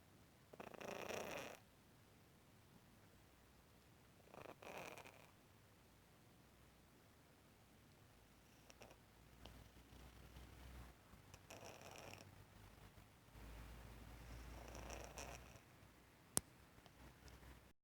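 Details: Soft, faint rasping breaths every few seconds in a quiet room from a sleeping tortoiseshell cat born in 2003 with rhinitis, just back from the vet; light snoring.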